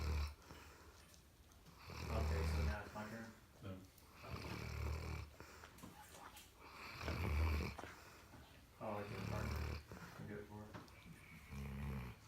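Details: Old dog snoring and twitching while asleep: deep, rumbling snores recurring irregularly at about 26 a minute. Ordinary snoring.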